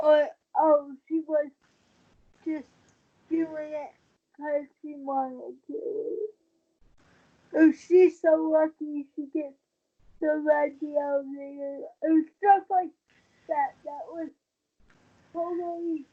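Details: 23-year-old woman with cerebral palsy since premature birth at 27 weeks, a more advanced form affecting balance, wheelchair user; she believes prematurity affects the stability of her speaking; dysarthria (cerebral palsy).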